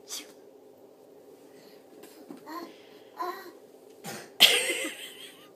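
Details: Baby: several soft short coughs, then one louder sneeze-like burst at the end.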